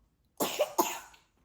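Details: Two quick, slightly wet coughs from a 23-month-old toddler in a quiet room. The toddler has pneumonia symptoms and was kept home from daycare while her fever is being checked; the older sister also seems to have a cold.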